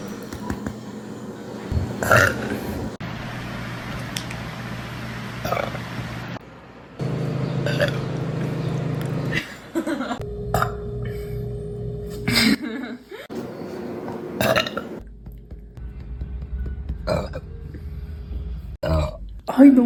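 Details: Compilation of repeated burping from a girl: long, loud, voiced belches with pauses between, over background noise and music.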